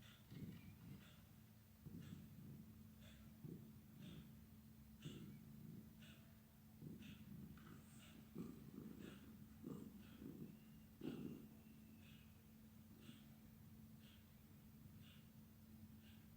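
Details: Soft, regular snoring from a sleeping cat, about 40 breaths a minute, over a steady hum; ordinary sleep snoring.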